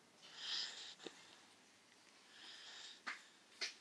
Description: the hush puppy is snoring while sleeping.....